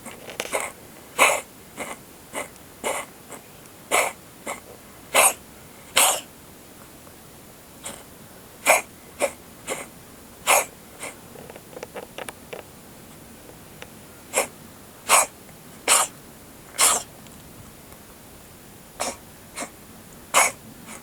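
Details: Siamese cat under a car, with a dead mouse it caught itself at its feet, gives repeated short, dry, hacking coughs in runs separated by brief pauses; a strange cough.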